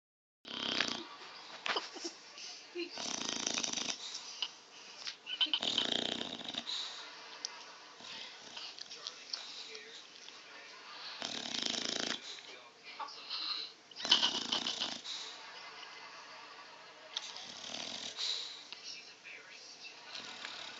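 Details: Loud snoring of a sleeping dog: rough, hissing breaths about every three seconds, some with a whistling edge.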